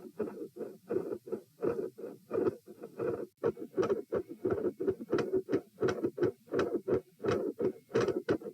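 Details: Heart sounds recorded at position P with the subject sitting, from a same-subject comparison study: fixed splitting of the second heart sound with extra sounds and clicks.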